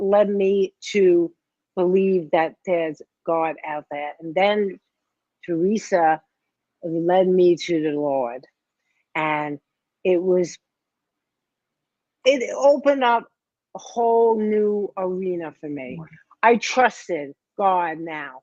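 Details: 57-year-old woman, major ischemic stroke in 2011 at age 45 affecting right side and speech, initially unable to talk; speech improving but worse with emotions; post-stroke aphasia.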